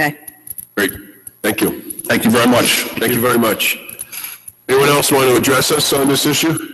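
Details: Adult male; no speech disorder.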